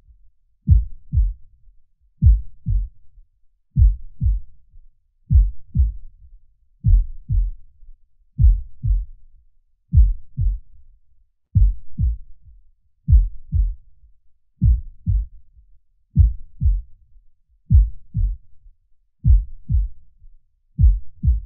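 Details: Slow, steady paired lub-dub heart sounds at rest, about 39 beats a minute; a normal resting heartbeat, presented for relaxation.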